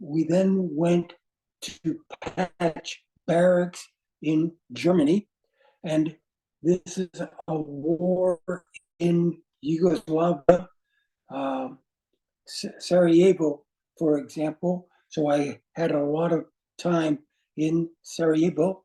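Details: Aphasia caused by a stroke in an adult man; words do not flow, with difficulty in instant word choice and finding how to say what he wants.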